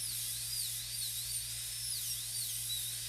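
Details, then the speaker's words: High-speed dental handpiece reducing the B-plane of a maxillary premolar PFM crown preparation on a typodont model tooth: steady high-pitched whine, pitch wavering as the bur cuts, low room hum underneath. "Now the B-plane we're going to reduce. We've already got almost a millimeter of clearance on this B-plane."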